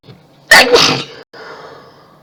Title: Tons of Sneezes and Mess!!